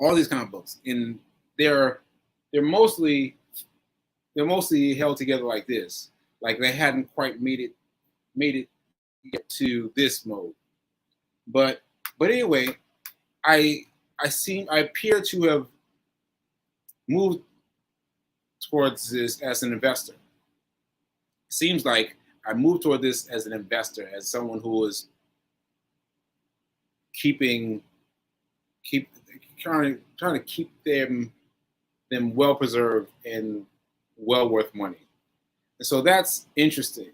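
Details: Adult man with aphasia after a stroke on 7/14/22, recorded 7/4/23 while still recovering; aphasia.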